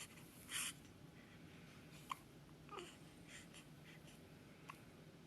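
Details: Hiccups from a baby.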